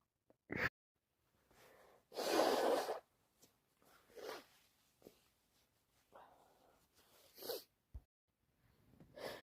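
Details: A person with a head cold, constantly sneezing, sniffing and coughing, lets out a loud burst sneeze among quieter sniffs, breaths and small catches in a quiet room.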